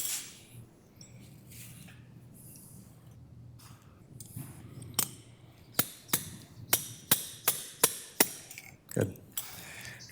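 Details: About eight sharp metallic slap hammer strikes in quick succession after quiet operating-room noise, withdrawing a trial implant during a prone transpsoas (PTP) spinal fusion demonstration, after lateral and AP imaging checks.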